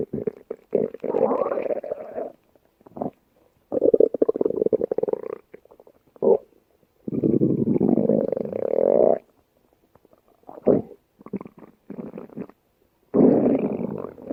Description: Welcome to my channel of female yellowbellies stomach growling . We can enjoy listening to her belly gurgles.